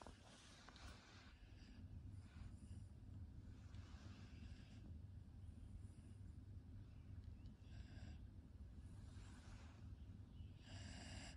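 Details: Snoring from a sleeping dog on a cold 8 °C day: soft, rough snorting breaths every few seconds over a steady low background hum.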